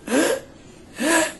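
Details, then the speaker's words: A girl born premature, with retractions at the rib angle but no nasal flaring, is examined during a paramedic respiratory lecture: two short, high-pitched voiced coughs; infant cough. "And if she coughs while we're here, you'll hear it's like"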